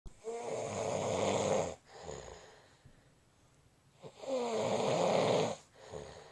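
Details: Man snoring, recorded by his wife: two loud, rasping inward snores, each followed by a softer breath out, about one breath every four seconds.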